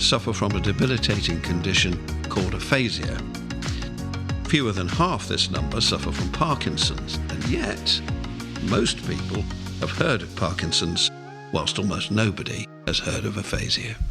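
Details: Adult male speaker over background music; no disorder.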